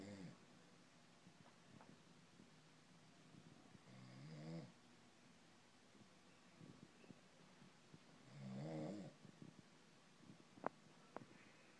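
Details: Resting cat purring softly, with two gentle snoring breaths about four seconds apart; ordinary snoring.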